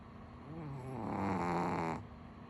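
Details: Sleeping dog snoring: one long, rough, rattling breath noise.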